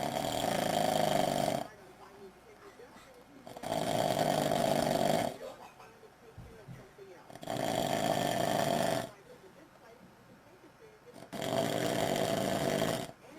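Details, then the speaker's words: Loud, rough snores on the in-breath from a sleeping father recorded by his daughters, four in about 13 seconds, roughly 18 breaths a minute, with quiet pauses between; snoring. "Quiet. Snoring so loud."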